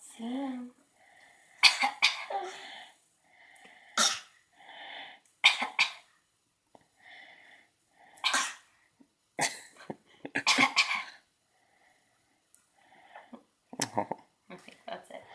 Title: Fake Coughing (6 months old)